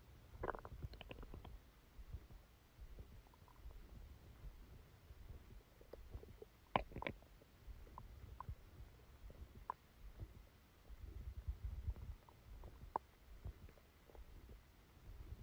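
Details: Stomach sounds recorded during a stomachache after Christmas dinner while the person slept: quiet low rumbles with scattered faint gurgles and clicks over a steady background hiss; bowel sounds.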